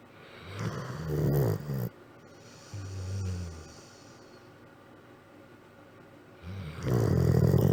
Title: My dog snoring